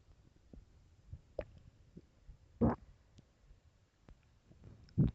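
Soft low gurgles and a few louder rumbles from the belly, the ordinary growling of a hungry stomach.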